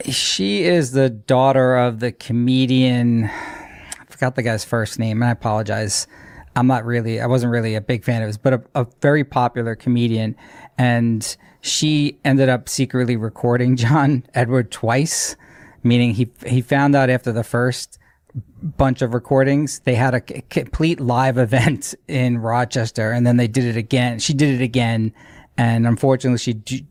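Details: Adult man speaking; normal conversational speech.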